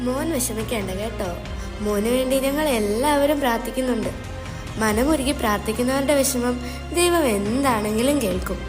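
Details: Adult woman, acted scene; no speech disorder.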